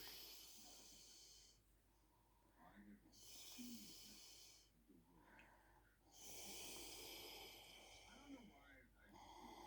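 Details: Hissing snoring in a sleeping mother: long hissing breaths alternating with quieter pauses, about three breaths in ten seconds.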